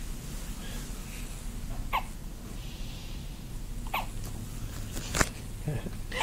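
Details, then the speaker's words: Infant girl making brief, regular small squeaky hiccups about every two seconds over steady room noise, sounding like a squeeze toy; infant hiccups. "She sounds like a toy. Did you get her little hat? Yep. She looks like a little toy. Like a little squeeze toy. Because she squeaks."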